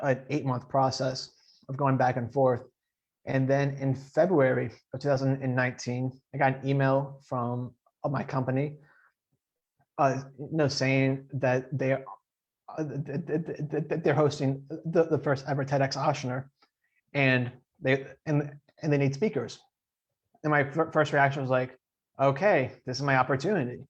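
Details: Adult man who stutters; stuttering.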